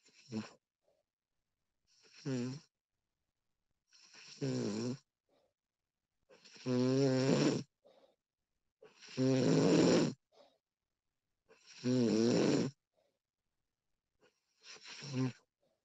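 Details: Recording of a woman snoring during sleep: seven rhythmic snores, about 23 per minute, building from soft to loud, rough, buzzing in-breaths with quiet gaps; ordinary snoring.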